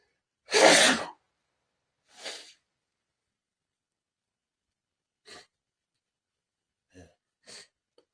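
One loud explosive sneeze, then a short sniff and several quieter nose sniffs: a sneeze followed by sniffing.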